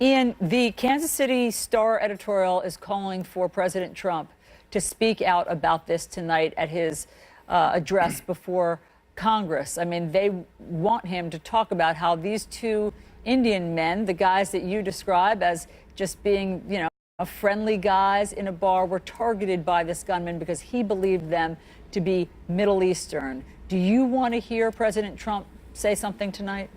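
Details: Adult woman speaking; normal voice.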